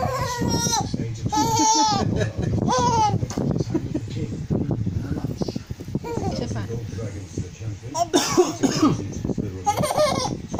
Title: laughing at Papa's cough